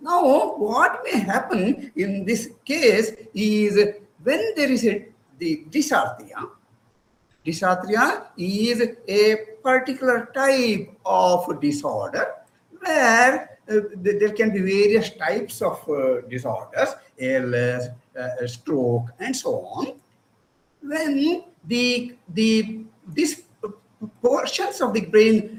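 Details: Adult presenter speaking; no speech disorder.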